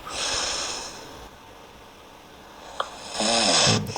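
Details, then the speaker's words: Sleep apnea syndrome patient: two loud, rough ordinary snores separated by a quieter pause, just before a roughly 7-second breathing stop. "ここはびきですね。普通のびきです。次ここの波長でやってきます。"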